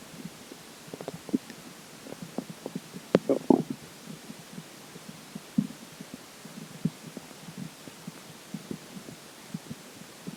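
Scattered soft pops and gurgles over a low hiss, with a brief louder burst of bubbling; stomach gurgling after drinking water.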